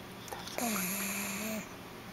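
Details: Stella, a pug, asleep: a single drawn-out, whistling, nasal snore with a buzzing tone over steady room noise; snoring.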